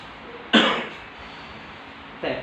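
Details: A loud, abrupt cough burst, then a shorter second burst about two seconds later, in a quiet room, during a gua sha and bone-setting session for leg pain lasting a year, with back and waist pain.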